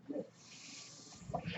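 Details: Speaker's own real mechanical ventilator during podcast recording: a steady airy hiss of delivered breath between brief muffled low bursts as the ventilator cycles; mechanical ventilator sound.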